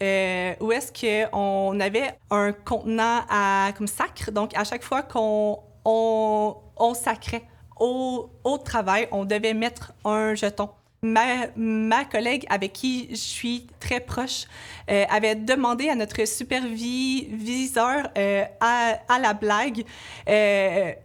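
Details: Adult woman who stutters, a laboratory supervisor, with blocks mentioned; stuttering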